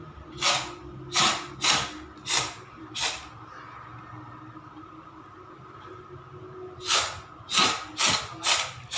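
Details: A cat, recorded at home in March 2021, makes rapid, harsh, hissing breaths in clusters with brief pauses: noisy, labored wheezing breathing. The cat died a few weeks later.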